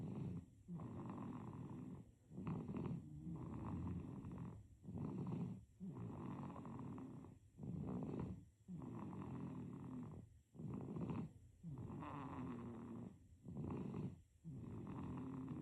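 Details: Baby snoring during sleep: soft, steady rumbling snores on each breath, about 21 a minute.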